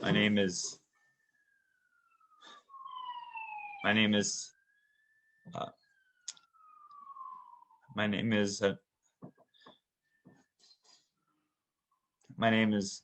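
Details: Adult male physical therapist who has stuttered since childhood, with speech therapy from age 3, deliberately demonstrating a single block on his name; stuttering block (imitated).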